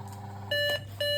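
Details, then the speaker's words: Demonstration test discharge of a BPL Relife 900 biphasic defibrillator with AED at 50 joules, both red paddle buttons pressed simultaneously: two steady electronic beeps over a low background hum. "तो now इसमें आप देख सकते हो कि दोनों red buttons को हमने साइमलटेनियसली प्रेस किया तभी डिस्चार्ज है।"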